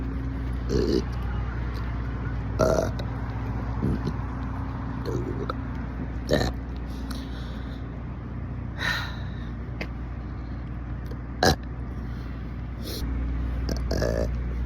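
Repeated short, low burps over a steady engine-like hum, roughly eight in the stretch; ordinary belching.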